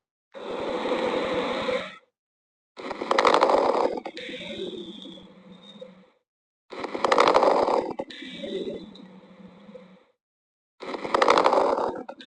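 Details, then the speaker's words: Auscultation of breathing with bursts of fine, crisp popping early in each breath, like a Velcro strap opening: fine (Velcro) crackles. "ये जैसे कि अपन एक strap को open करते हैं for example यह एक स्ट्रप है और अपन इसको अगर ओपन करेंगे तो जो साउंड सुनाई देगी यह जो फाइन कपटे है उसकी ऑस्कन को रिजल करेगी"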